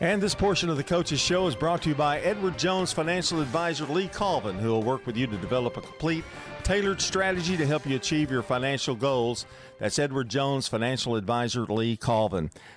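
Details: Adult male announcer; normal speech.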